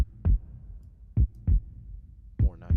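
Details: Simulated heartbeat made with Serum synthesizer in Logic Pro X: low, dull paired thumps, about 50 a minute, two layered sounds mimicking systole and diastole, looped; artificial heartbeat sound.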